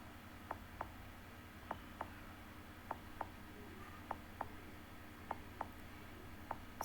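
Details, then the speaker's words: Steady paired lub-dub beats at about 50 a minute over a low room hum, played as an example of the heart's sound: normal heartbeat. "It makes the sound lub dub, and it beats all the time. It always does this."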